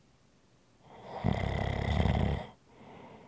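One long, rough, rattling snore on the in-breath, followed by a softer breath out. Ordinary snoring in a quiet room.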